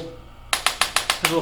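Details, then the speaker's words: Five quick, sharp mechanical clicks from a handheld chiropractic adjusting instrument applied gently to the coccyx of a patient with intense tailbone pain, a concentrated way to try to move the bone. "just a way to help adjust the bones a little bit without is you know very concentrated area we're gonna see if we can move this coccyx a little bit"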